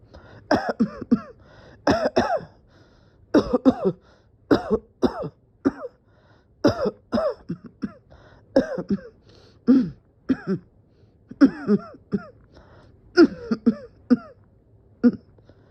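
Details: Coughing fit with dizziness, the person feeling close to passing out: repeated bursts of harsh coughing in clusters of two to four, about a dozen bouts over fifteen seconds; cough.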